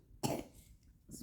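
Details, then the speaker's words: Single short harsh cough from a sick girl with high fever, runny nose and a very strong cough, recorded at a pediatrician visit; cough. "посмотрим что нам скажут потому что она очень сильно кашляет температура поднимается"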